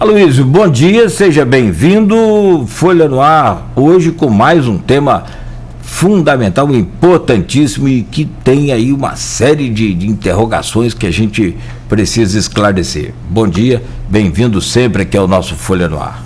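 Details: Adult male speaker, broadcast host; Normal voice.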